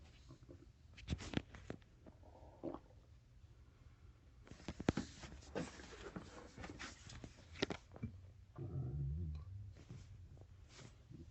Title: Stomach growling